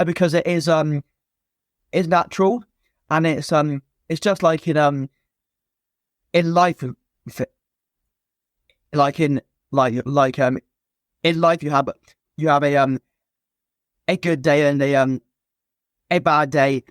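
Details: Stammer since a young age in an adult man, a former soldier.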